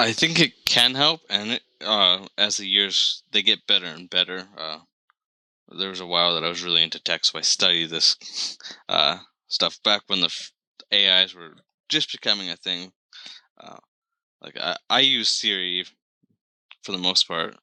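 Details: Adult man who has stuttered since about age 3, with onset around when he developed Lyme disease; full-blown by middle school, now somewhat controlled with bad days or weeks; briefly closes eyes to ease blocks and repetitions; stuttering.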